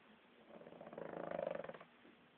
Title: Uno snoring and rude awakening